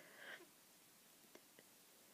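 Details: Hay fever and cold: one short, breathy sneeze, then two faint stifled catches from a mini sneezing fit in a quiet room.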